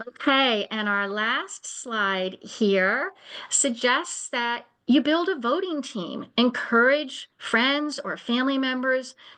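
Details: Adult woman speaking; normal speech.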